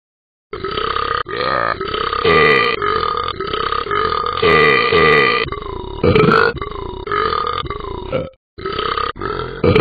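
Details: Simulated cartoon burping from the Talking Ben the Dog app: long, loud, rumbling belches strung together almost without pause.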